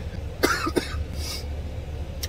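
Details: Cough in a person with COVID-19 confirmed by positive rapid test, with runny nose, chills, loss of taste and smell: two short dry coughs then an exhaled breath.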